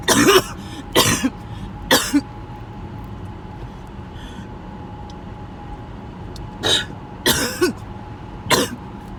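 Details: Coughing fit recorded at the end of a 20-minute coughing spell; the start of the spell was not recorded.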